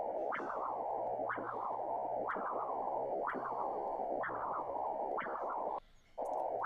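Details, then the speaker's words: Internal carotid artery Doppler (ultrasound) signal: rhythmic whooshing pulses about 60 a minute, flow always forward in systole and diastole, each surge fading into continuous flow; normal low-resistance pattern as the brain needs perfusion throughout the cardiac cycle. "este registro va siempre para adelante sístole diástole fue el que vimos al principio sístole diástole Por qué Porque el cerebro como Es lógico necesita estar irrigado durante todas las fases del ciclo cardíaco"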